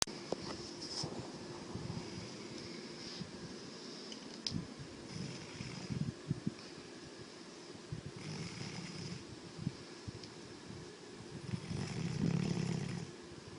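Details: Sleeping yellow Labrador dog: low, rough fluttering breath noise rising and falling with each breath over steady fan hum; snoring.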